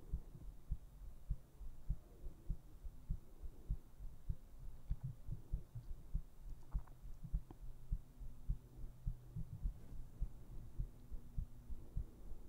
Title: ASMR : HEARTBEATS to put you to sleep!